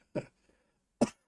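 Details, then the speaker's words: Cough from an adult reacting to music, who apologizes for the coughing and says it is unlikely to pass anytime soon. "Sorry for the coughing, guys, as I explained it. It's unlikely to pass anytime soon."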